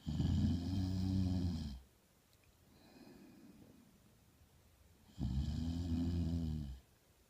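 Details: Sleeping snoring recorded with voice-over: two long, rumbling snores on inhalation with a quiet pause between them, typical of ordinary snoring during sleep.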